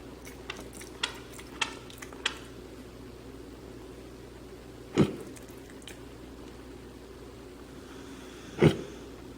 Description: Mini Pig Oscar recently started grinding his teeth. If you've never heard a mini pig grind his teeth, here is a video of Oscar doing his daily teeth grinding.